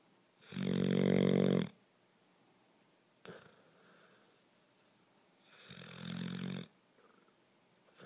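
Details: Deep, fluttering snores on inhalation with quieter breaths out, roughly 14 breaths a minute; ordinary sleep snoring.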